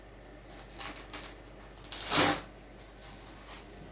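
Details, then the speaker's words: Soft rustling, then a short hiss as a manual blood pressure cuff on a female patient is released after the last beat at 92 diastolic; systolic given as 152 or 122, called a bit high. Cuff deflation. "all right and the last beat there was at 92 so i'll just release"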